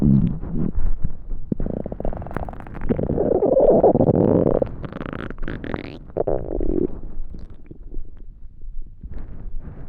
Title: Extremely Hungry Stomach Growling